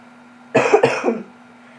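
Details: A single brief burst of two linked coughs, then quiet, from a sick school-age girl recording herself after recent vomiting; a cough during an illness.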